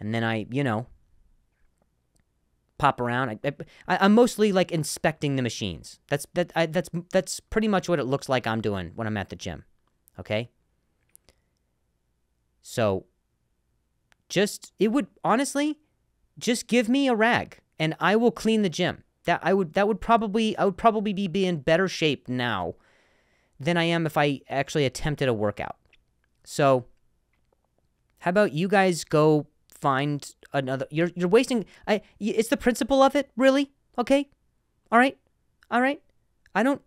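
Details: Stuttering in an adult male comedian who has stuttered for a long time and still sometimes does; repeated words heard.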